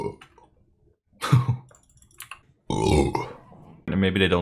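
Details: Streamer burping compilation: a couple of loud, deep, gurgling belches mixed with talking and clicking; burping.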